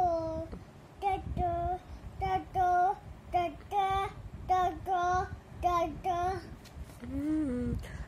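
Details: Child with a cochlear implant in speech therapy, repeating words after prompting by a parent; speech of a child with a cochlear implant.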